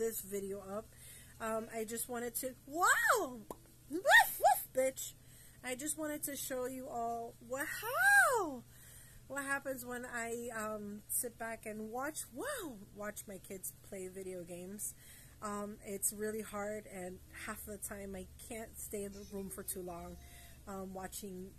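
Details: Tourette syndrome vocal tics in an adult woman, tics active and triggered by flashing lights and noise from video games.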